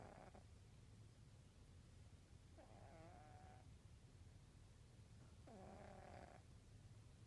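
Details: Soft whistling, squeaky snores recurring about every 2.8 seconds over a low rumble, roughly 21 breaths a minute, from a sound-asleep 15–16-year-old diabetic orange female cat on insulin.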